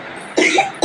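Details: Cough from a child; the cough itself is not described.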